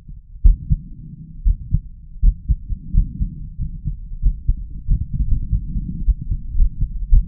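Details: Adult male heart auscultated with a stethoscope during chest vacuum manoeuvres. Forceful heartbeats with intense pauses and arrhythmic beats: an irregular heart rhythm.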